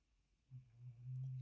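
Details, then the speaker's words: Cat snoring softly nearby: a low, steady rumbling drone swells in partway through over quiet room noise; snoring. "Je sais pas si vous entendez là, mais j'ai juste en face de moi qui ronfle littéralement. Euh donc voilà, si vous entendez un bruit de fond, c'est le chat."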